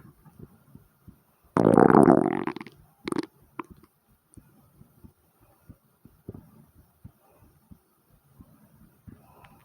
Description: as my heart is beating fast with thumps my stomach makes its presence known as well so enjoy and like and comment #heartbeat #stomach #asmr